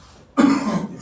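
After a quiet moment, a single abrupt, harsh, voiced burst fades over about half a second: an adult cough with throat clearing.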